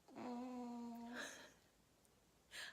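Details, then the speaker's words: Snoring from a sleeping pet named Harley: a drawn-out whistling, whiny tone on one breath, then soft hissy air bursts; the first time he has snored, after earlier chewing. "snoring no he's gonna stop now or you can hear Harley's there's a first we've gone from chewing me and hurting me to snoring but that's a good thing"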